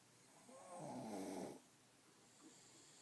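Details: Dog's usual snoring while asleep: one rough, rumbling snore lasting about a second, then a quieter breath.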